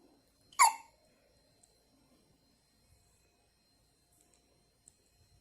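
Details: A single sharp, brief hiccup from a one-day-old newborn who fell asleep while hiccuping, followed by near silence; newborn hiccup.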